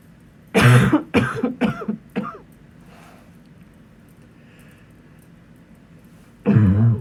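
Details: Male coughing into a pillow to avoid waking neighbours: a run of four muffled coughs, then a pause and a fifth cough.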